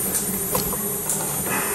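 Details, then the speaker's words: Simulated tinnitus recreated by a patient to play back what he has heard all his life: a steady low hum layered with a thin high-pitched whine, combining a low-frequency and a high-frequency component. "questo signore qua essendo così tecnico è riuscito a mettere in luce e farci sentire quello che lui sente da una vita"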